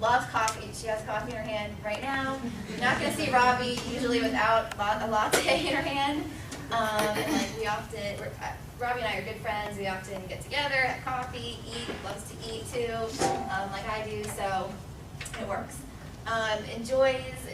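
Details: Adult woman speaking; Typical speech.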